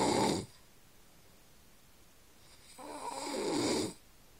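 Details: Adult man (father) snoring in sleep: two loud, rough, rattling inspiratory snores separated by a quiet pause.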